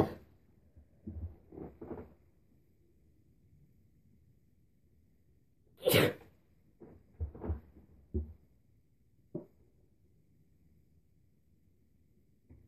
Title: Another sneezing video